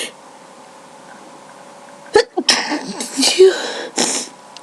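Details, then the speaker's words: Random sneezing fit in winter with no allergies, from a tickly nose; a single sharp, powerful sneeze bursts out after quiet room noise, followed by a short breathy exhale; ordinary sneeze. "My nose just tickles a lot, so so I'm sneezing. Oh, this is crazy. That was powerful."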